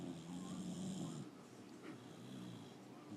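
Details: Sleeping female pet snoring ("sawing logs"): soft, low rumbling breath noise against faint room noise.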